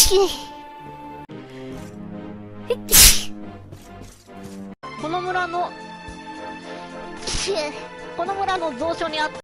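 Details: A single sudden, explosive, hissing sneeze during a live stream, heard over talk and background music.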